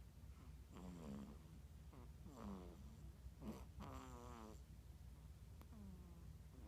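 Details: 5-week-old baby boy snoring, soft tonal whistling snores with rising and falling pitch, repeating a few times over low room hum; snoring.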